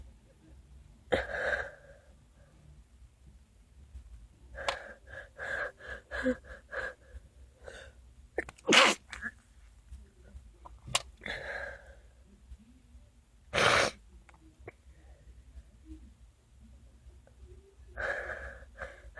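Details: Stuck, incomplete sneezes: repeated gasping build-ups that stall, with two sharp sneezes between them.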